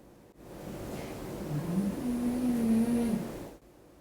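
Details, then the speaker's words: A dog snoring during a spoken recording: a single drawn-out, low, rumbling, slightly tonal breath noise, rising then fading. "Mas enfim, o principal é... Estão ouvindo a Roxy roncar?"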